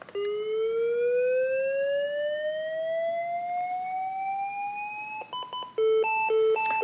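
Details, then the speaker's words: Steadily rising whine as a Lifepak 15 defibrillator charges after energy selection, then a repeating two-note alert signalling it is charged and ready to shock, in a training demonstration. "to charge you just hit the charge button and then once it's charged you can shock it it will be quite noisy"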